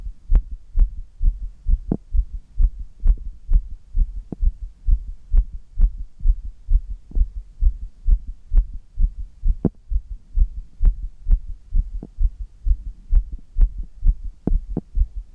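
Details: Forceful, strong, regular heartbeat with deep thumps, recorded while upside down in a handstand; the heartbeat is strengthened by the exertion.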